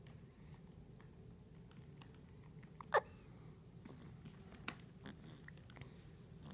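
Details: Two short, sharp, soft hiccups about two seconds apart over soft background noise; hiccups.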